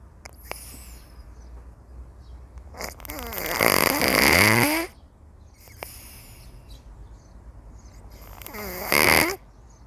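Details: Cat enjoying a leisurely nap: two loud, rattling snores about five seconds apart, each building on the breath in, with quiet breathing between; cat snoring.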